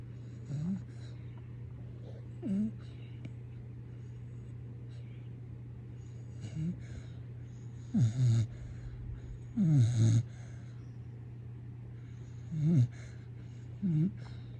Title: My New Puppy Snores!!!